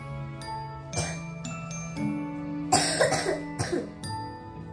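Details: Continuous non-stop adult coughing on a summer day: repeated dry-sounding coughs in close succession over steady background music; persistent cough.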